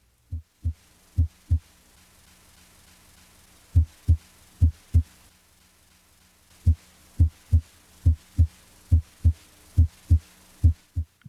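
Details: Normal heart sounds heard during a cardiac assessment, listening over the aortic and pulmonic areas, where S2 is louder than S1 and inspiratory splitting of S2 is sought.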